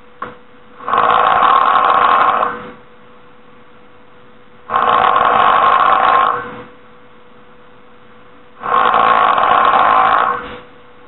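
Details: Loud, harsh, rasping snores about two seconds long, recurring every four seconds (roughly 15 a minute) with quiet pauses between; snoring.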